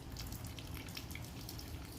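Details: Gastric reflux through a nasogastric tube in a senior Paso Fino mare with suspected mild choke: steady gurgling and dripping as stomach fluid flows back out, confirming tube placement in the stomach.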